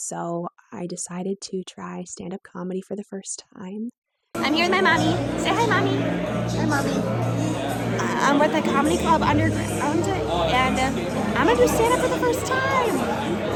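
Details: Young woman with moderately severe adductor spasmodic dysphonia beginning at age 16-17, with vocal cord spasms especially on vowels, voice breaks, raspy quality and difficulty projecting: adductor spasmodic dysphonia.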